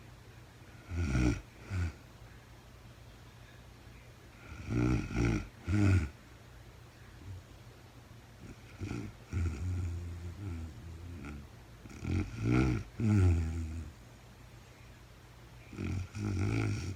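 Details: Real-time recording of a woman asleep at night, no talking, very tired: repeated fluttering, rattling snores about every 4 seconds, around 15 a minute, quiet gaps between, over steady room hum; snoring in sleep.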